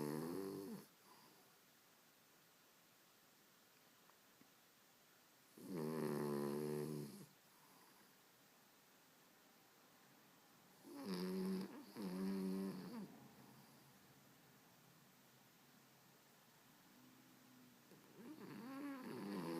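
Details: Pet snoring that reportedly never stops: slow, rattling snores about ten a minute separated by long quiet gaps, likely from a sleeping dog.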